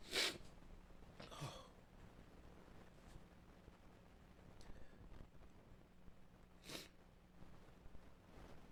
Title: WHO SNEEZES LIKE THIS?!